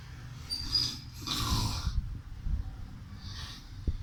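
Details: Two noisy, rattling breath sounds, one loud and one fainter, over a low background rumble; snoring or snorting during sleep.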